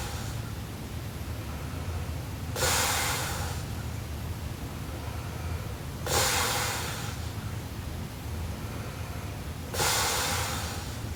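Three loud, harsh snoring breaths spaced several seconds apart over steady background hiss, consistent with heavy snoring during sleep.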